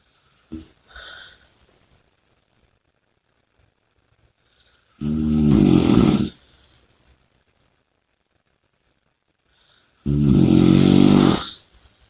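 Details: Two loud, rough snoring breaths about five seconds apart, with a quieter snort at the start; snoring and heavy breathing during sleep.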